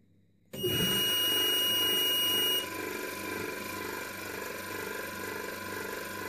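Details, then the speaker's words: Respironics Millennium pressure-swing-adsorption oxygen concentrator switched on with casing opened during teardown: brief steady tone, then continuous humming, rattling run of a very shaky compressor; oxygen concentrator startup. "see the compressor is running although slightly here that value of us here changing"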